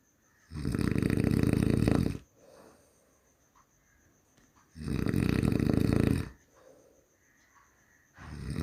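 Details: Human snoring: loud rattling snores on each in-breath, about every four seconds (roughly 14 breaths a minute), with quieter out-breaths between.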